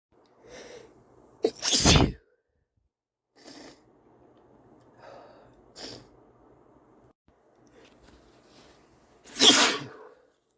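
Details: Two forceful, wet sneezes with sniffling, congested breaths between them from a stuffy male; the last one felt like the head exploded.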